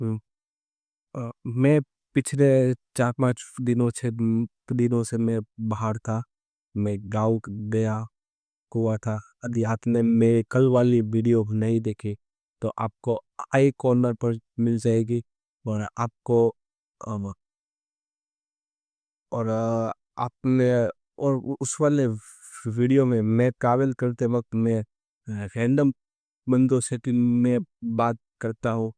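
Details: Adult man who stammers, speaking Hindi, doing daily stammering practice for about a month and reporting limited control despite it; stuttering.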